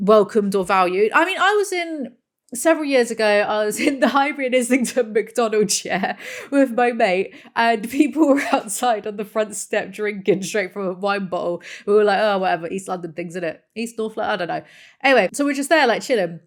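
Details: Adult woman speaking; Normal fluent speech.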